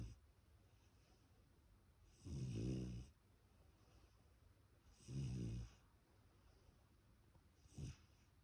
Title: Snoring puppy 2022